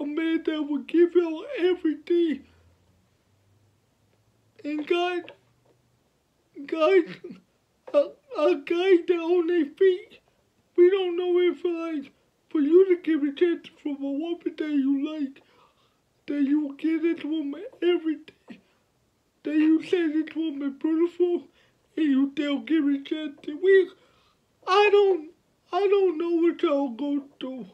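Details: 29-year-old man with cerebral palsy since birth, born at five months' gestation, speaking about his life and disability; finding: dysarthric speech in cerebral palsy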